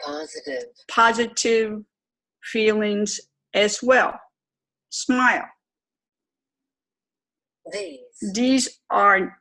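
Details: Adult woman, stroke twelve years earlier, self-reported severe aphasia with severe apraxia of speech; chronic post-stroke aphasia with apraxia of speech.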